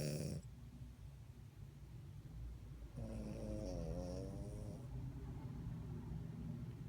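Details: French Bulldog asleep: low, rumbling breathing, then a long, vibrating, wavering snore midway through, before waking up startled. Snoring.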